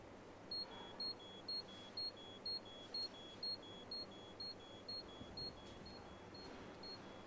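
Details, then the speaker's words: Hospital scale bed with minimum and maximum weight limits set: regular high-pitched electronic beeps, about two per second, over room noise; the alarm sounds when the patient's weight changes, e.g. when the patient tries to get out of bed. "and now everything is everything change from the weight of the patient is alarm for example if the patient put some weight on the bed alarm same thing if the patient try to go down from the bed and the weight degrees"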